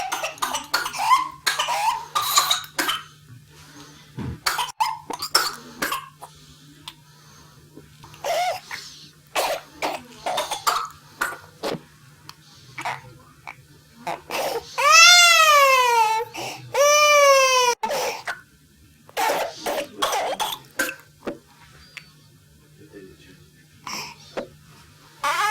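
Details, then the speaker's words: A child with whooping cough (pertussis) has runs of rapid, repeated paroxysmal coughs, broken by high, drawn-out crowing whoops on breathing in. "s begins with an occasional irritating cough that gradually becomes paroxysmal with cough after cough after cough and the child becomes more and more short of breath to the extent where they become initially red and then blue in the face and they have a sharp intake of breath called a hoop and then they often vomit as"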